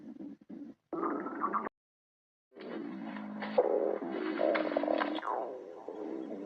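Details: Padme's stomach growling: low gurgling and creaking rumbles with brief squeaky rises; borborygmi.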